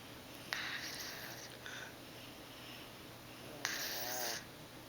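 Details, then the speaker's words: Sleeping baby boy whose nose sounds plugged after a day of daycare play and a doctor visit: two noisy, hissing snoring breaths through a congested nose in a quiet room. "His little nose sounds a little plugged. I think he snores like his"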